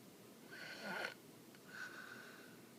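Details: Two noisy, rasping breaths with a whistling edge during sleep; snoring.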